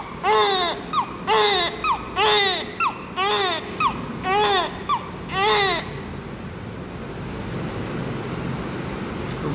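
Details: Six loud, high rising-falling newborn cries with short gasps between, about one a second, then quiet room noise; a vigorous normal cry.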